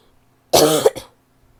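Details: Female with a barky cough: one harsh, hoarse, barking cough with a short second burst after it.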